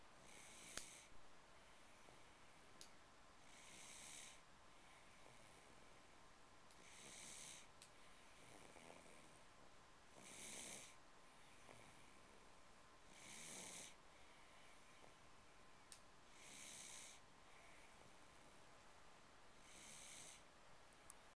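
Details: Baby boy snoring: soft, rhythmic noisy breaths, about seven in twenty seconds, with faint rattling on each, over background hiss; light snoring.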